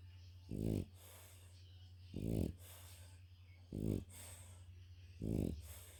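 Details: French bulldog napping after a walk, tired: four short, throaty snorting snores, about 39 a minute, over a steady low hum, typical snoring of a flat-faced dog.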